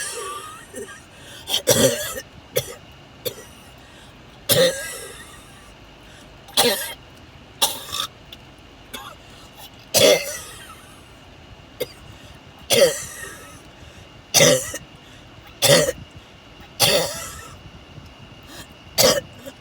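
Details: Series of coughing attacks recorded in a car on the way to the hospital ER: about a dozen harsh, separate coughs in clusters over twenty seconds, with steady road noise behind.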